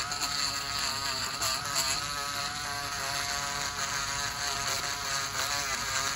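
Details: Steady high-pitched whirring buzz of a podiatry rotary burr grinding down thickened toenails of a man on dialysis about a year with suspected severe fungal toenail infection; podiatric nail drill.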